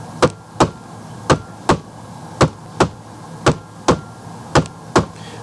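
Simulated heart sounds with a clear lub-dub pair each beat, about 55 a minute: normal S1 and S2.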